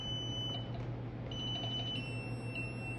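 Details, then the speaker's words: Biphasic defibrillator (TM 2007P) charging energy while set to patient cable rather than paddles, so no discharge: a steady high electronic tone with repeated beeps over low room hum. "ये condition में मैं अगर energy charge करता हूँ"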